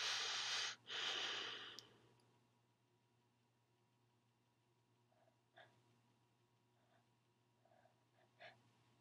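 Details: Sneezing bout: two loud hissing sneeze bursts close together, then quiet room noise with faint sniffs; the sneezer felt good afterwards.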